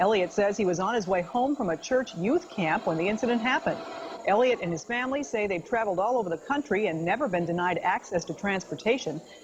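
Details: Adult news reporter; Normal speech.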